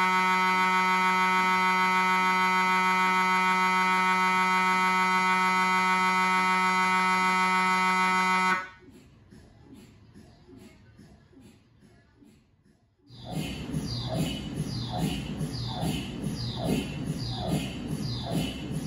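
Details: MRI scanner noise recorded inside the scan room of a GE 1.5T or 3T system: loud steady buzzing drone, a brief quieter pause, then fast regular knocking at about 200 per minute.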